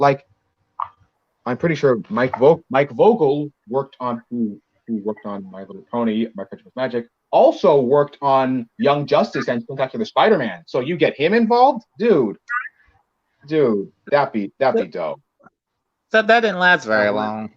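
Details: Male podcast co-host who reports having a bit of a speech impediment, type not specified; speech disfluency with word and phrase repetitions.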